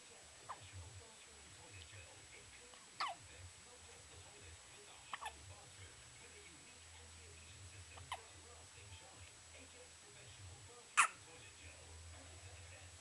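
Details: Hiccups; sharp, brief hiccup sounds recurring irregularly, about five over thirteen seconds, in a quiet room.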